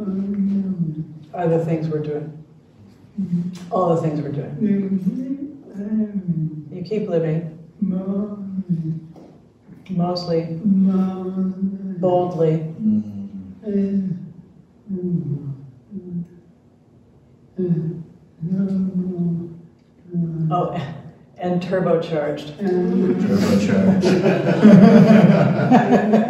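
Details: Retired male pediatrician with ALS diagnosed in late 2021; jaw trembling is neurologic clonus; his wife interprets his speech; dysarthria due to ALS.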